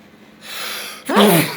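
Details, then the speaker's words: One loud, explosive voiced sneeze after a rising in-breath, followed by apologies; a single ordinary sneeze. "me good lord sorry sorry good gosh those real sneezes sorry all right sorry come on baby sorry about that"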